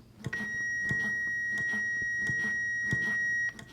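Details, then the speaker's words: AED (automated external defibrillator) powering on during a hands-only CPR training demonstration: steady high electronic tone with soft thumps and room noise before voice prompts; AED power-on tone. "When you get the AED, the important thing to remember is to turn it on and follow the prompts to do what it says."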